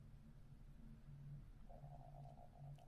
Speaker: my stomach is growling even though I just fed it